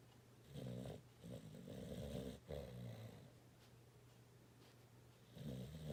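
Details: Dog snoring and twitching in sleep, recorded 3-31-19: soft, rumbling snores over several breath cycles, with a steady low hum in the room.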